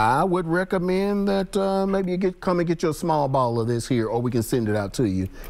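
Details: Adult man speaking; normal voice.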